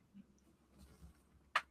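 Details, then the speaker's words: Adult deliberately cracks his knees on request without limbering up first: a single sharp crack as the knee bends, over quiet room noise; knee joint popping. "Should we try the knee cracking again? Yeah, let's see if we can make the knee I didn't hear it last time. Everyone was very disappointed the knees didn't crack."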